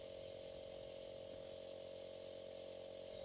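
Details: Steady droning motor hum with a constant buzzing tone from a Philips home nebulizer with a SideStream nebulizer, running during aerosol treatment while the user sits upright and breathes the mist through a mouthpiece or mask.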